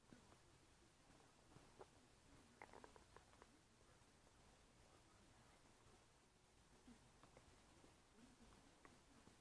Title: stomach making noises after eating Oreos